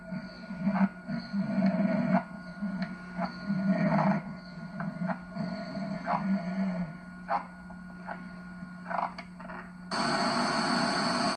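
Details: Father asleep in a room in Venice, 1989, in an edited montage: rough, rattling breathing noises repeating irregularly over a steady hum, then a burst of hiss; loud snoring.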